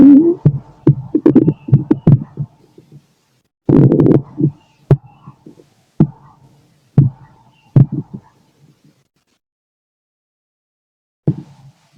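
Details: Adult male listening late at night through a stethoscope to his own body after the day's meals: irregular gurgles and clicks of normal bowel digestion mixed with low thuds of the heartbeat.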